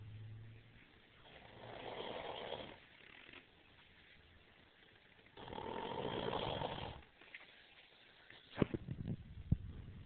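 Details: Brother's disturbing snoring: loud rasping snores on breaths in and out, roughly four seconds apart, with some rustling afterward.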